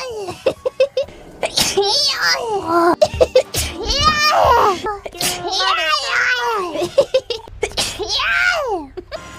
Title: sneeze collection (351-400)